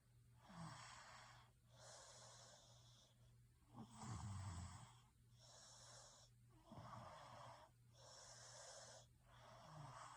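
Rhythmic rough breathing noises during sleep, about six breaths in ten seconds, with low rattling on some breaths: snoring.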